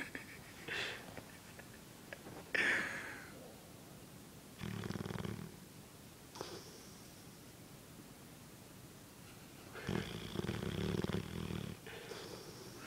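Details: Boss snoring while asleep, before waking: irregular low, rattling snore sounds and soft snorts separated by quiet pauses; snoring during sleep.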